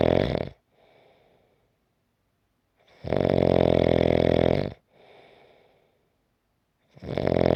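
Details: Loud, rattling inspiratory snores every few seconds, each followed by a soft breathy exhale and a pause; 5-minute snoring clip.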